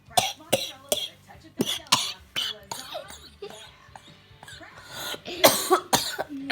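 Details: Sick adult with a cough, reluctant to take cough medicine: several sharp, dry cough bursts in quick succession, with throat clearing and sounds of reluctance between them; an ordinary cough.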